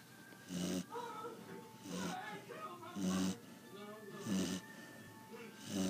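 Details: Sleeping chocolate Labrador puppy snoring very loudly: rhythmic, rattling snores, about five breaths in six seconds, with faint background music.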